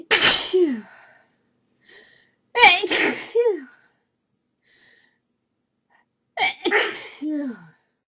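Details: Woman's desperate sneezing fit, audio only: three forceful sneezes in a row, each a sudden burst trailing into a falling voiced sound. Sneezing.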